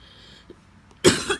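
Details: Adult coughing persistently at work for the fifth day, sent home on half-day leave: a single harsh, forceful cough after a quiet moment.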